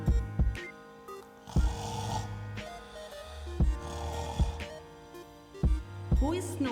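Rhythmic rasping sleep breaths over loud background music, acted for a teaching skit: imitated snoring.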